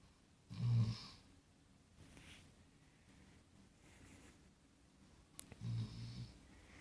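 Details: A dog snoring: two deep, rough snores several seconds apart with quiet breathing between, in a small room.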